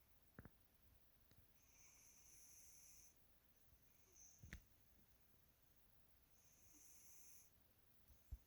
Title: My cat's snoring